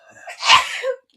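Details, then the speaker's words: A single adult sneeze into a hand during a live gaming stream: a short indrawn breath, then a brief noisy, muffled burst. "The hand sneeze. Did anyone hear the hand sneeze?"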